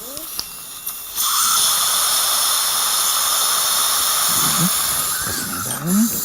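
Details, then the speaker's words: Woman in her late 60s having maxillary posterior implant surgery with crestal sinus bone graft using Densah burs, drilling to 8.5 mm depth: steady high-pitched whining hiss of the surgical drill with faint voices. "이렇게 이제 플로어가 확실히 열리 있으니까 이제는 다시 리버스 드릴링네 나옵니다 양쪽다 8.5 가도록 하겠습니다"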